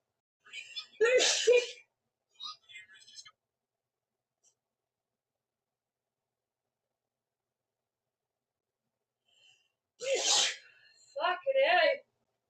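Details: Woman's sneezing fit: two sneezes, each with a breathy wind-up and a sharp burst, separated by a long pause in a quiet room.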